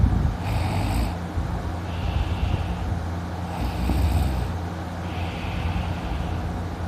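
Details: Loud snoring in a sleeping person who woke with a sore throat: low rumbling breath sounds in slow cycles, about two breaths in seven seconds, against a steady hum.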